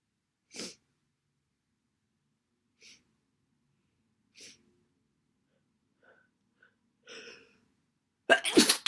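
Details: Massive wet sneezes during a cold: a few brief sneeze-like bursts, then one loud wet sneeze at the end, with quiet gaps between.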